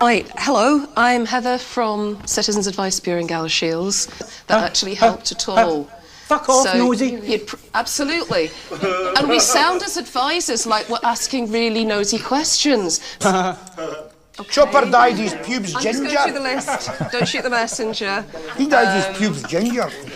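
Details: Tourette syndrome with involuntary vocal tics, including inappropriate words or swearing, in a woman while she is working as an adviser.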